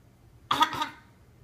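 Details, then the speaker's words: A young child imitating how daddy coughs on request: a short double cough, praised afterwards. "How daddy coughing? 哦，这样咳嗽。Very good."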